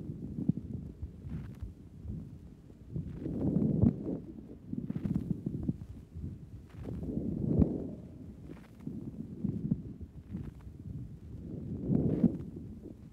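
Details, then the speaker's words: Woman with rheumatic fever and pneumonitis at the left lung base; 1955 stethoscope recording of breath cycles with bubbling crackles on each breath: rales at the left base. "is evidence of some pneumonitis at the left base due to the rheumatic fever with the production of rales, which sound like bubbles on each breath."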